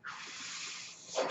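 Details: The speaker's own mechanical ventilator, audible in the background while he talks; mechanical ventilator breath cycle.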